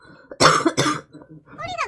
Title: Girl coughing 151